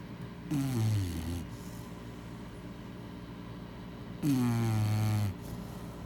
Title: Snoring baby girl chow chow | Chappie Bear